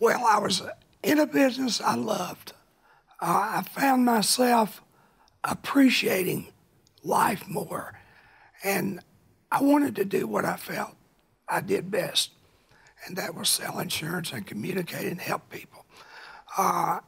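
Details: Dysphonia in an adult man now cancer-free after cancer he kept secret for years and first thought was a thyroid problem; early detection is credited.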